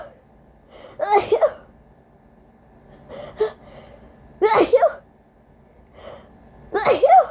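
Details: Person with a cold and a very sensitive, congested nose, deliberately induced sneezing: three forceful sneezes, each with a quick gasping build-up before a sharp, explosive burst.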